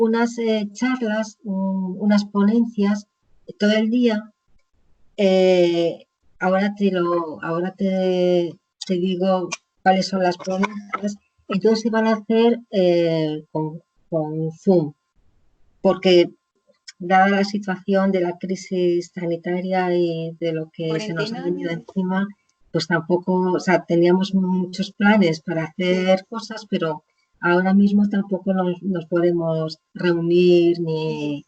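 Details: Woman with aphasia after a stroke; initially could not speak at all, slowly recovered words through speech therapy, still speaks more slowly with more errors; aphasia.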